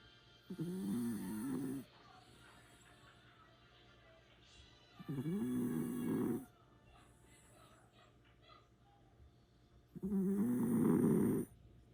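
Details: A pet dog napping gives three slow, rumbling, wavering snores, about 12 a minute, with quiet pauses between and light background noise. Snoring.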